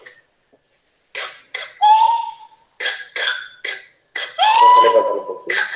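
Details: Child with pertussis (whooping cough): rapid runs of short coughs in paroxysms, each followed by a long, high-pitched crowing inspiratory whoop.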